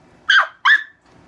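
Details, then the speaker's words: Adult with Tourette syndrome gives two sharp, bark-like vocal bursts, a barking vocal tic. They describe barking tics in public, for example in a store where people looked for a dog, and mention medications such as Haldol. "But I bark. We used to bark at the store, and everybody would be looking for the dog."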